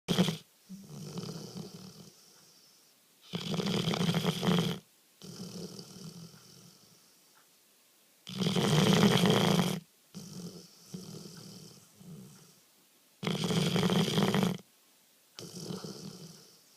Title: My dog snoring like hell